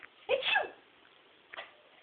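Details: A short, sharp sneeze ("achoo"), then after a pause a faint second puff of air in a quiet room; sneezing.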